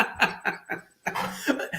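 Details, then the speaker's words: Adult recovering from flu, with something felt choking in the lungs, coughing during a live talk; cough. "sorry guys if you are new I've explained that I'm recovering from flu so now and again you will hear me cough thank you for your understanding"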